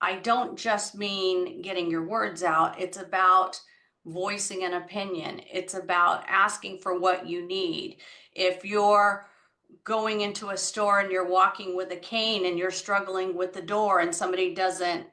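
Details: Adult woman speaking; ordinary speech.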